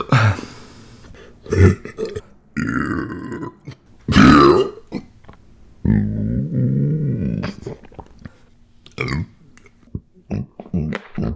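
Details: Burping by a man: several long, loud, low-pitched voiced burps with short pauses between them, plus a few brief vocal sounds.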